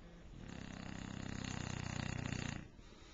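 A long, low, rattling snore during one drawn-in breath, typical of a flat-faced dog.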